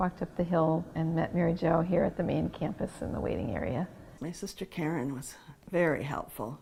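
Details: Adult woman speaking; normal voice.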